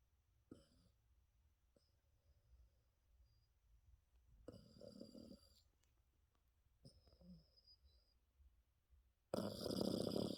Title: Snoring Yorkie 코 고는 요키